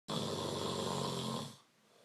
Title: The snore